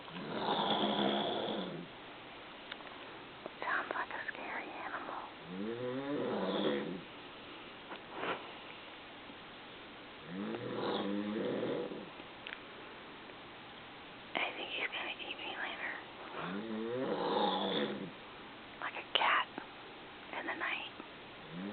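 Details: Adult husband snoring loudly at night while asleep on vacation, said to sound like a mountain lion: repeated harsh, growling snores on each breath, with faint whispering in the room; loud snoring.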